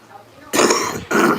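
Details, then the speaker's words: Adult former heavy smoker, no cigarette for a week and a half and still bringing stuff up, gives two harsh, noisy cough bursts: productive smoker's cough. "But y'all hear that cough? It's still where the stuff's coming up. And I ain't had a cigarette in a week and a half."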